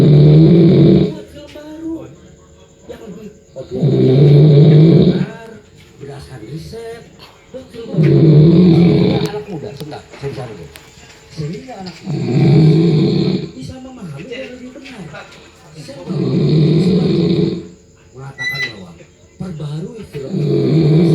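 Loud, rough, roaring snores about every four seconds, roughly 15 a minute, with faint talk in the background.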